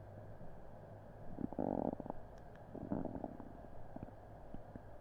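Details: Upset stomach recorded on a Blue Snowball Ice microphone after an unremembered meal; low gurgling and bubbling rumbles in two main bursts over a steady background hum; loud bowel sounds, borborygmi.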